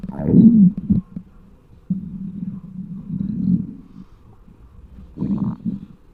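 Loud gurgling growls and drawn-out rumbles from the belly, typical hunger stomach noises.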